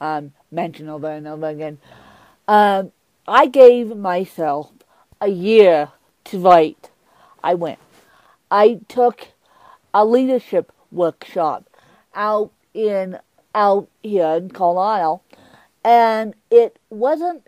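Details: Adult woman with cerebral palsy who uses a walker, described as having less speech impediment than her co-host, also with cerebral palsy; mild dysarthria.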